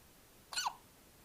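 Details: Hiccup: a single brief, abrupt squeaky catch of breath against a quiet background.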